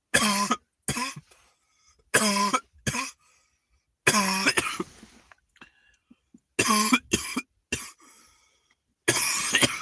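An adult gives a run of about eight harsh coughs in short bursts, with a throat clear midway; repeated coughing.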